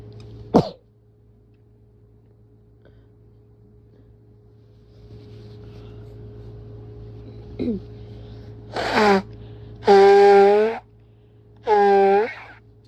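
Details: Person who is sick; a few rapid, forceful sneezes close together, some voiced, plus a nose blow, in a quiet room with a steady background hum.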